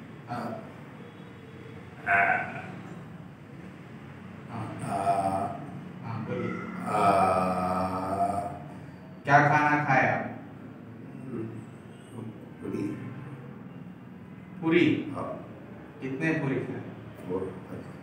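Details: Puberphonia during a voice therapy session, with the therapist applying manual pressure to the patient's larynx while the patient phonates.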